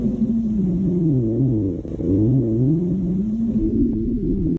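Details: Loud stomach growling (borborygmi): continuous low, gliding, tonal groans that rise and fall, with a short dip midway.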